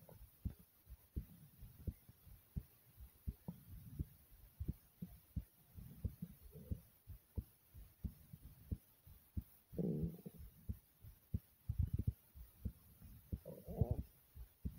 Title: Thumping Heartbeat